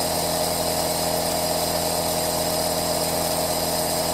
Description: This Aerosol Nebulizer sound is extremely fantastic, leave in the comments what you think of this sound...